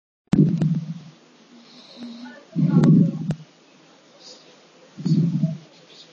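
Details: Adult snoring: low, rumbling snores recurring about every two and a half seconds, with quieter breaths between.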